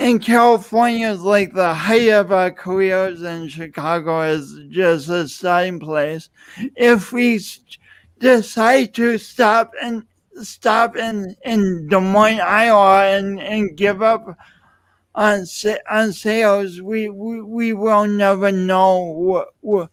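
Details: Dysarthric speech in an adult man who lost oxygen at birth, with a pronounced lifelong speech impediment and an unusual gait.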